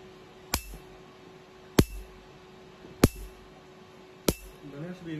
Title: QM-Q2 Treatment Tattoo Removal Video